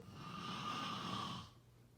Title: #snoring #snoringasmr #snoringsounds #snoringsleepingsoundeffect #sleepsounds